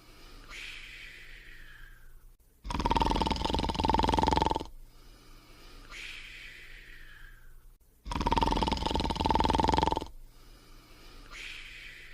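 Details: Cartoon character sleeping: two loud rasping in-breaths about five seconds apart, each followed by a soft whistling out-breath; animated, simulated snoring.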